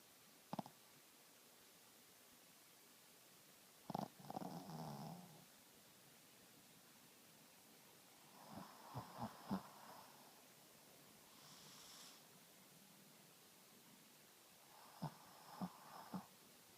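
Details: A sleeping dog snoring, with irregular rough, fluttering snorts separated by quiet pauses.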